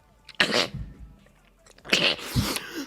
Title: boy sneezing compilation